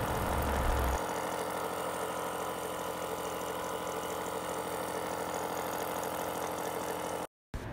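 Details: Piston compressor nebulizer, used to give respiratory medicine to young children by mask, running with medicine loaded: steady buzzing motor hum with rapid rattling pulses.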